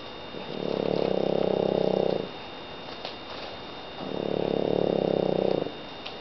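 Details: A sleeping French bulldog gives two fluttering, rattling snores, each about two seconds long, with quiet pauses between at roughly 15 breaths a minute. Snoring.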